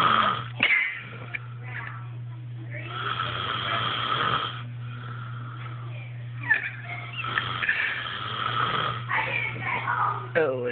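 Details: Snoring: long, rough, buzzing breath noises repeating over a steady background hum.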